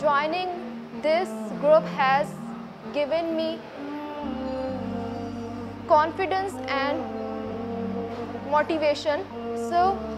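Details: Stuttering in a woman who belongs to a stammering self-help group in Karachi, Pakistan.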